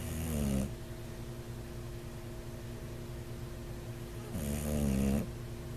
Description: bulldog snoring could be a sign of Sleep Apnea